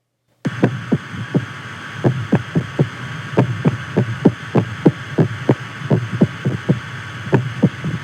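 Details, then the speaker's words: Adult man with congestive heart failure, cardiomyopathy and a murmur, recorded before starting a carnivore diet, has an irregular, erratic heartbeat with extra beats and dropped beats: irregular rapid heartbeat with premature beats. "off, an extra be a beat that was taken away. It wasn't regular like everybody else's."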